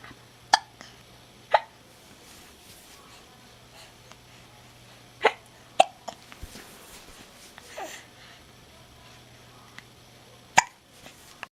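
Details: A little child with hiccups, who finds hiccuping funny.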